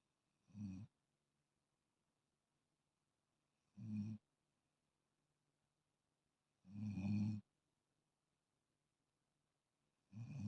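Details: Snoring in a sleeping female cat: low, rumbling snore sounds recurring about every three seconds, roughly 19 a minute, with quiet pauses between.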